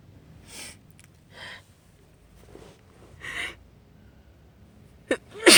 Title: Terrible sneezing fit and big sniffles (F)